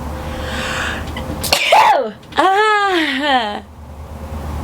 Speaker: i have the start of a sneeze so that's how i sneeze